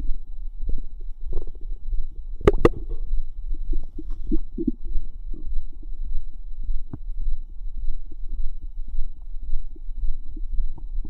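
Low gurgling and bubbling abdominal noises with a sharp squelch, over a steady low rumble; ordinary bowel sounds.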